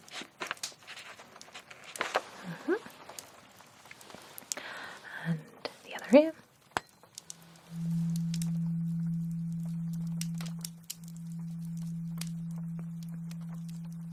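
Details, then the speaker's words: Simulated, acted 19th-century hearing exam with a tuning fork rung at each ear: rustling and a soft tap, then a steady low hum that fades and rings again; tuning fork tone. "now I will I go I get it and then allow it to ring on each ear"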